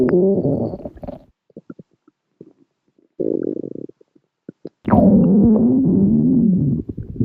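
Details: Woman's stomach growling (borborygmi): long, low gurgling rumbles with bubbling bursts between them, over light background music.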